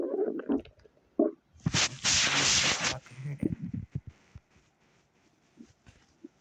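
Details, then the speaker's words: Person on a digestive cleanse records irritating gut gurgling, unsure whether stool moving through intestines or gas bubbles; loud gurgling and bubbling abdominal noises with a prolonged rushing burst: borborygmi. "I'm sitting up here trying to catch the sound of this gurgling in my gut it is really starting to irritate me I don't know if it's my vows trying to move through my intestines or if it's gas air bubbles that keep gurgling like this"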